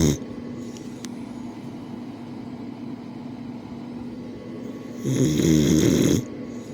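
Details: Rough, rattling snores from a sleeping boxer dog over steady low room noise, with one louder snore near the end; ordinary snoring.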